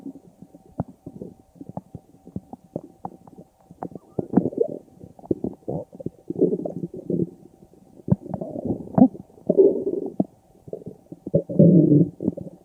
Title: stomach growled